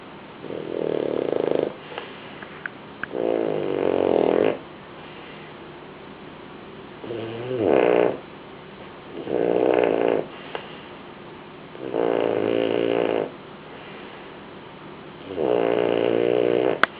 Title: Jack snoring